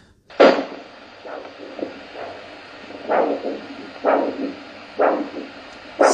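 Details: Handheld Doppler ultrasound at a podiatry clinic checking circulation in the arteries of the foot (behind the ankle and top of the foot): rhythmic whooshing pulses about once a second; normal arterial blood flow.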